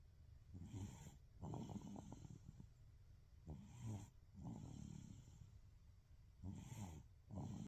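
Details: Baby snoring: soft, low, rattly snores every two to three seconds, about 20 per minute, light infant snoring.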